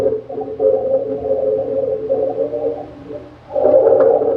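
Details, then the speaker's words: Rhonchi played as a teaching example: loud, low, rumbling, snoring-like continuous sounds through the breath cycle, from phlegm moving back and forth in the large airways (bronchi). "Yan ang rongkay. Ang rongkay, di ba, parang may isang sound lang. Hindi naman siya huni, hindi siya crackles. Plema din siya. Pero ang plema, malaking daanan."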